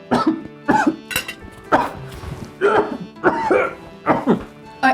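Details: Acted, simulated coughing fit at a dinner table while eating: about eight harsh, voiced coughs in quick succession with music behind; coughing fit.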